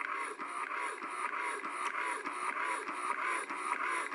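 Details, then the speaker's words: Medela Pump In Style Advanced electric breast pump running in stimulation mode as suction is increased: steady motor hum with rapid rhythmic suction pulses, about 97 per minute. "now if you find that you need more suction you'll go ahead and you'll increase and you can hear the pump increasing"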